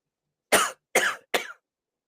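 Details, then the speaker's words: Adult's deliberate fake (voluntary) cough, demonstrated during a conversation: three short, dry, forceful coughs in quick succession. "I'll try it now even and see if it works. I'm in a fake cough."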